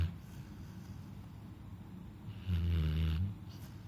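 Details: Snoring from a sleeping Labrador: quiet breathing, then one deep, low, fluttering snore lasting under a second.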